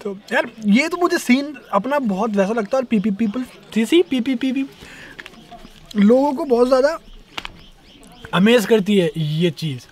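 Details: Young male rapper who says he stammers when he talks, worse when speaking Hindi; word repetitions heard; stuttering.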